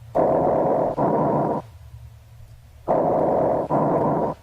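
Loud, harsh, hollow breath sounds with a brief gap between breathing in and out: bronchial breath sounds, normal over the manubrium.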